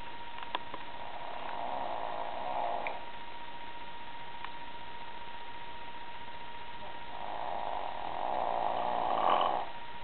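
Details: Person snoring in sleep: two drawn-out, rasping snores on breathing in, several seconds apart, over a steady room hum.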